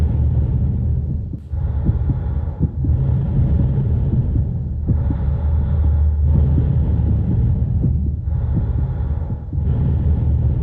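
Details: Steady low heart thumps under a continuous rumble of breathing, with regular breaks as breaths turn over; normal heart sounds with breath sounds.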